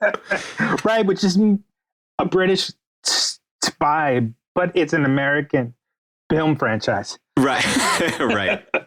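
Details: Adult man, a writer interviewed on a podcast, whose stutter is noted as audible throughout the interview; real, not acted. Finding: stuttering.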